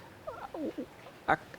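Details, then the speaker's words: Short, high, musical squeaks gliding in pitch: wheezing from bronchial narrowing due to airway inflammation in asthma. "a marca da asma seria uma obstrução da via aérea Porque existe um processo inflamatório acontecendo no brônquio eh e aí o brônquio é um tubo por onde passa o ar até o pulmão e aí nesse brônquio quando há essa inflamação existe um estreitamento então é um tubo mais estreito o ar passa ele faz um um chiadinho em algumas"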